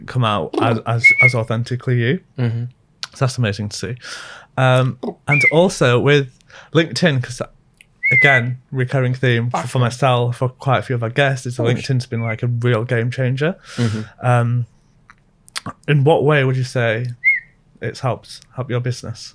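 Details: Adult male speaker; normal speech.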